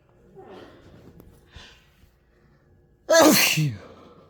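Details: Person congested for days after exposure to flowers, inducing sneezes to clear the sinuses: quiet breathy build-up, then one loud, explosive sneeze with a voiced tail; sneezing.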